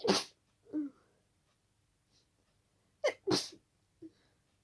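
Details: Night-time sneezing fit in a quiet room, sneezes deliberately stifled to stay quiet, some escaping, triggered by a tickle: several short muffled sneezes with soft catches of breath between; stifled sneeze.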